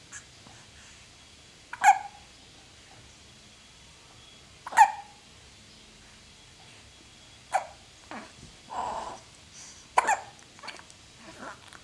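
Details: Dog with hiccups turns her head: four sharp, abrupt hiccup bursts about every three seconds, with soft breathing between.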